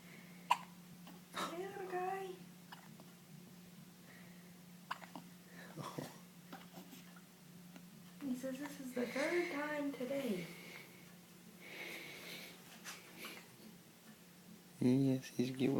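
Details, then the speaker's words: Baby boy's first hiccups: small, abrupt catching sounds at uneven intervals, with soft baby fussing and adult murmuring in the background. "Oh, Mr. Man's got the hiccups."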